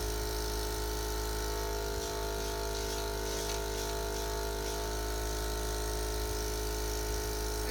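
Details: A steady motor hum with a constant whine from a suction machine during nursing tracheostomy suctioning with sterile technique, patient encouraged to deep breathe and watched for respiratory distress.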